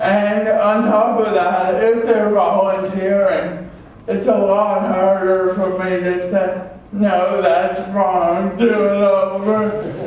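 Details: Adult male with cerebral palsy from oxygen loss at birth (umbilical cord around throat), a type with muscle stiffness and irregular movements, signs noticed around age 1, after extensive speech therapy: dysarthria (cerebral palsy).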